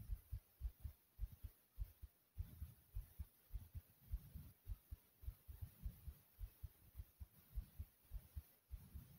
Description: Listen to the thumping sound of my heart beating through my chest.